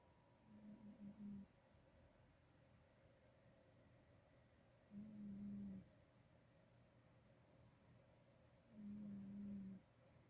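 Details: Sleeping pet cat recorded from a distance to avoid waking her: soft, low snores, three in about ten seconds, faint against room hiss; ordinary snoring.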